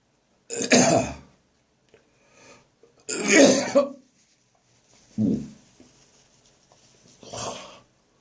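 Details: Adult whose cough returned after seeming to clear, recorded on the morning of St Andrew's Day: four harsh, forceful cough bursts with a throaty, retching edge and brief quiet gasps between. Cough with gagging.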